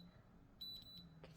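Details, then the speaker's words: Simulated ASMR ear exam of a patient with tinnitus: an ear thermometer is placed in the ear and gives a brief, high-pitched electronic beep when the reading is done, 95.9 on both sides. "Okay, and I'd like to check the temperature of your ears. So this is just going to go onto your ear and we'll do a really quick test, just like that."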